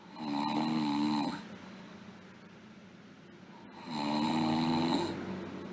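Two long, buzzing snores on breathing in, separated by a quiet pause of about three seconds; ordinary snoring.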